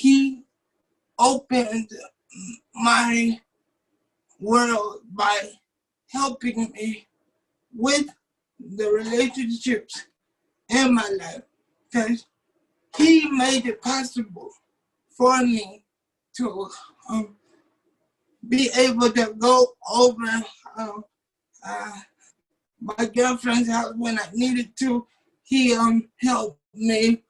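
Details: 27-year-old man with cerebral palsy since birth, muscles not working like others', wheelchair user; doctors had said he would not be able to talk. Dysarthria (cerebral palsy).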